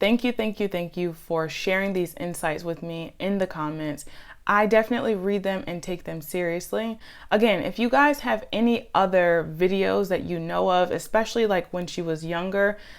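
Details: Adult woman speaking; normal speech.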